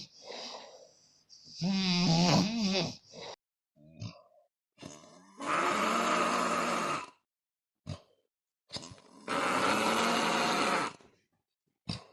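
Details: Adult man with severe snoring who wakes sitting up from breathing arrest and is afraid to sleep lying down: loud, harsh snores separated by silent pauses and brief snorts, suggesting obstructive sleep apnea.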